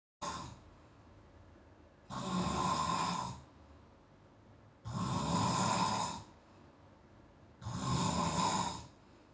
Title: Bhai Dusro Ka Bhai Khayal rkhle kharrrte #snoring #problem #follow #painful